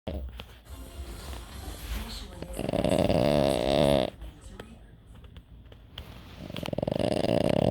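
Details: Sleeping dog snoring: rattling, buzzy snores on each breath with some background sound.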